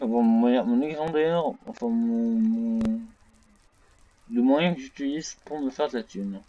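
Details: French-speaking male gamer who reports having a small stuttering problem; stuttering.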